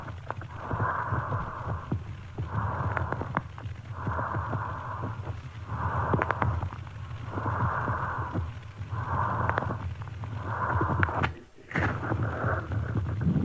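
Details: Harsh, hollow breaths in a steady cycle with fine crackles popping near the end of each inspiration, bronchial breathing with inspiratory crackles, from a pediatric bronchiolitis auscultation teaching recording.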